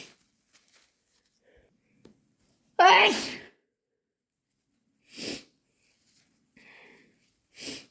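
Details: Sneezing: one loud, explosive voiced sneeze followed by two softer sneeze-like bursts in a quiet room; intense sneezes.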